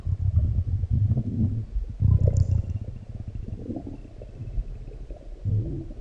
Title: Had a large meal || Deep stomach growls and gurgles ||